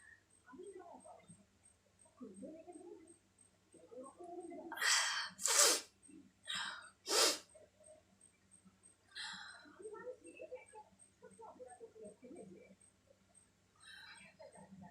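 Four sharp, explosive sneezes in quick succession, with quiet voices and rustling before and after.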